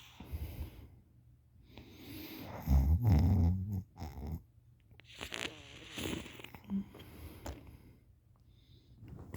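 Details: Wet-sounding snoring while passed out lying on the side with mouth open, drooling.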